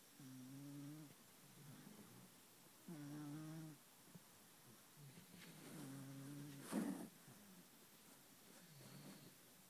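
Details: Kitten asleep and cozy in bed, snoring: soft, short buzzing snores recurring every few seconds in a quiet room.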